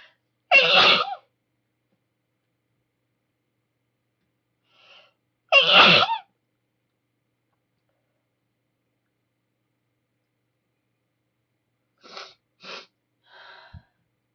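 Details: A woman with a bad cold gives two loud, explosive sneezes several seconds apart, then a few softer sniffs or short breaths in a quiet room; sneezing.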